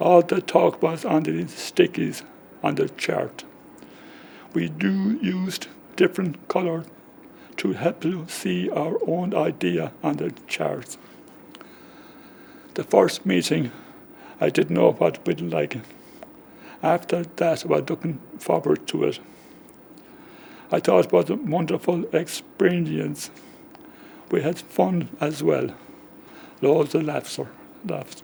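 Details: Man aged about 65 with aphasia caused by a stroke 10 years ago, just before his 55th birthday; it affects talking, writing and spelling; he understands but finds it hard to get words out; aphasia.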